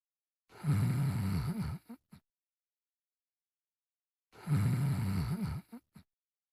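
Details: Simulated snoring, a voiced cartoon imitation of a sleeping dog: two identical rough, low snoring breaths, each ending in short snorts.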